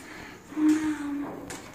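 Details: Boy with hearing loss who cannot speak, vocalizing in apparent answer to a question; non-speech vocalization in a child with hearing loss.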